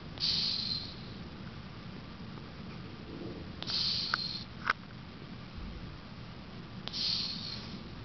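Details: Snoring in an 18-year-old cat while sleeping: soft, hissing nasal snores, three breaths over eight seconds, roughly 20 a minute.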